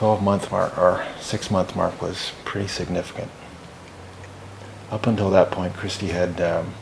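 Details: Adult male speaker; normal speech.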